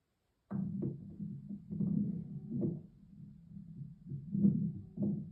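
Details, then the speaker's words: Wheezing in a respiratory assessment teaching clip: musical, whistling tones through the breath sounds, from bronchoconstriction such as asthma. "and then next we're going to listen to wheezing and wheezing is more likely to happen in times of Bronco constriction such as asthma"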